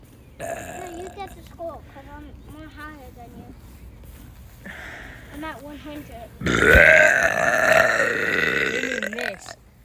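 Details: Woman burping: several voiced burps in a row ending in one long, loud belch; burping.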